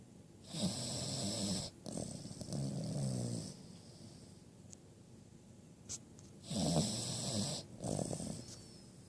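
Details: Sleeping 5-month-old female Cavalier King Charles spaniel puppy: loud rattling snores, about four breaths in nine seconds, with quiet pauses between; ordinary snoring.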